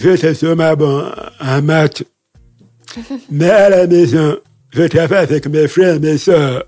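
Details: Deaf speech in a man who lip-reads, deaf since childhood after an illness; he says his voice has not sounded normal since a childhood throat operation in paediatrics in Libreville.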